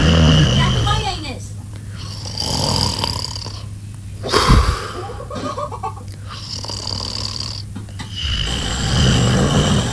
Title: MIBU: Phase 25 Snoring (And Yawns While Sleeping) 💤